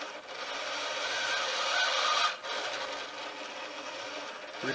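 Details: Automated ventilator: an Arduino-controlled sail-winch servo arm squeezes a bag-valve-mask (Ambu bag), with continuous mechanical rubbing and rasping at a fast rate after the breathing rate is raised; automated bag-valve-mask ventilation.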